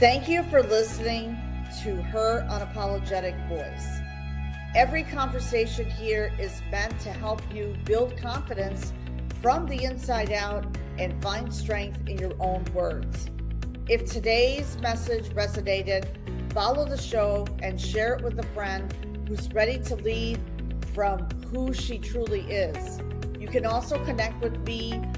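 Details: Adult woman speaking over background music; normal speech.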